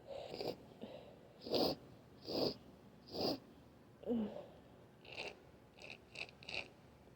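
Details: Adult with nasal congestion: several short coughs and wet, clogged sniffles with groaning, amid stifled sneezes and nose blows while trying to induce a sneeze.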